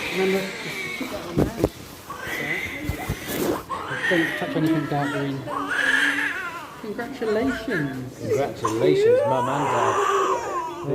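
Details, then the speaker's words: Loud, high newborn crying with rising and falling wails heard immediately after delivery of a baby boy by emergency caesarean section after induction, amid room noise and voices; UK NHS hospital birth. "i've seen so much of you as you said so and immediately we heard the cry"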